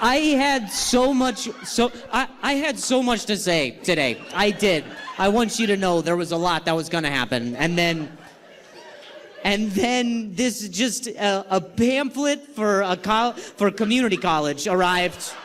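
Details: Male stand-up comedian who stutters, performing live; he says his stutter is the worst in a long time and he has involuntary sounds and tremors this week; stuttering.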